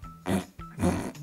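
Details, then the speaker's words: Veterinarian's human imitation of a dog's reverse sneeze: two quick, harsh snorting nasal inhalations with the head stretched forward. Described as a benign, hiccup-like temporary spasm that usually resolves within 5–30 seconds to a minute. "딱 이렇게 하는게 리버스 묘사를 하면 고개를 빼요 고개를 이렇게 빼고 코를 들이마시는 거라고 표현을 하거든요"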